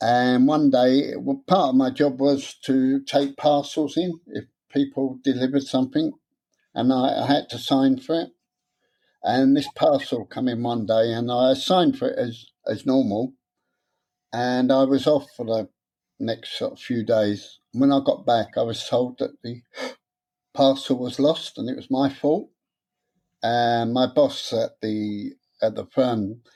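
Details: Stuttering (stammer) in an adult man, present since about age seven after childhood trauma; he later took a three-day therapy course but says he still gets stuck on some words.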